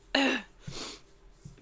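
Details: Adult streamer's cough during a livestream; the streamer says their voice sounds sick and nasal.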